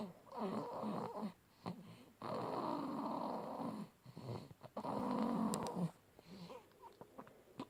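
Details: Sleeping baby girl, one of twins: long, loud, rattling snoring breaths, noisy on breathing in, with short quiet gaps between; snoring.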